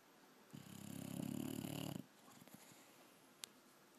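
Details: A sleeping dog snoring: one long, low, rattling snore fluttering throughout, then quiet breathing.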